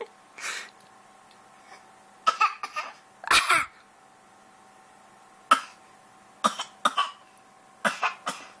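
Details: Baby girl giving a series of short, sharp coughs on purpose for fun and to make noise, not from illness; voluntary cough.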